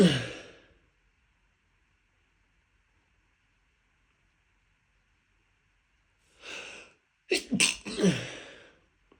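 Two sneezes, the second a quick double burst, separated by a long quiet stretch with a sharp breath drawn in before them.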